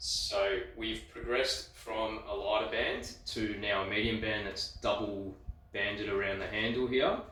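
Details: Adult speaker (physiotherapist); typical speech.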